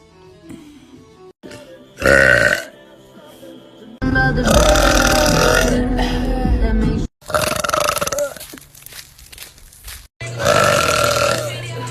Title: New Youtube Short- Girl Burp - Burp Compilation - Part 17